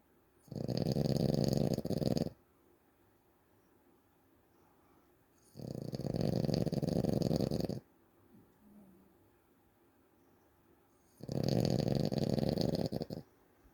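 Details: Snoring recorded February 2025: three loud, rough snores about five seconds apart, each lasting roughly two seconds, in a quiet room; steady snoring.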